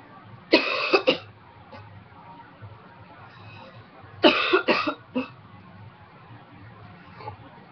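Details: Dry cough during a cold in a person who quit smoking almost 2 years ago: two bursts of short, harsh coughs, two to three each, with no rattle or wet sound.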